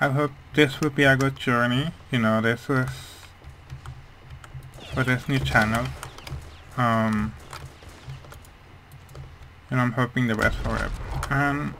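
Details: Speech of a man with hearing loss, which he says mainly causes how his voice sounds, rather than his accent.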